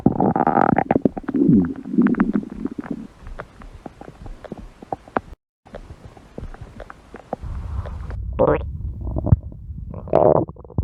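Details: Gurgling, bubbling stomach rumbles with crackly pops, rising and fading over several seconds: ordinary stomach growling (borborygmi).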